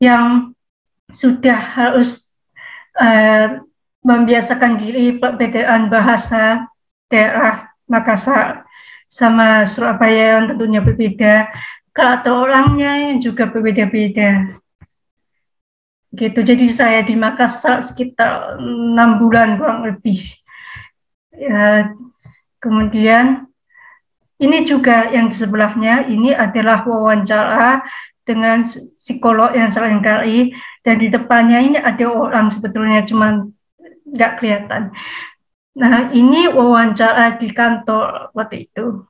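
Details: 27-year-old woman with profound bilateral hearing loss (100 dB left, 110 dB right), cochlear implant at age 3, trained through auditory-verbal therapy; speech of a cochlear implant user (hearing-impaired speech).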